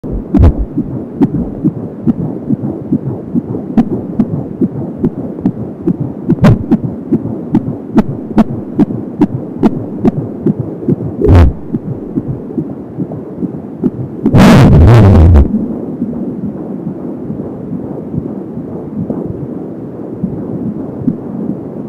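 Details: Fetal heartbeat at 20 weeks of pregnancy on an Angel Sound home fetal Doppler, about 170 beats per minute: rapid, regular whooshing pulses, with the swooshing described as umbilical cord sound.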